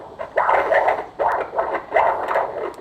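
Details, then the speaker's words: Pre-AV-fistula Doppler ultrasound of the central veins: venous flow shows respiratory variation as the patient is told to take a breath; central venous Doppler flow with respiratory variation. "this is the right bricle we can see the respiratory variations in all these beams take a breath take your breath"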